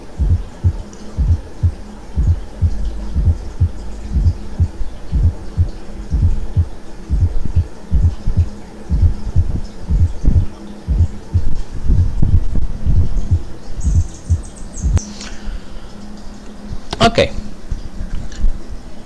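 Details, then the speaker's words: Teaching demonstration of a fourth heart sound (S4, atrial gallop, summation sound), produced just before the first heart sound during left atrial contraction. "tamente antes del primer ruido ruido cardíaco cuando se lleva a cabo la contracción de la aurícula izquierda es cuando se genera ese cuarto ruido llamado galope auricular o también se le conoce como ruido de suma galope auricular"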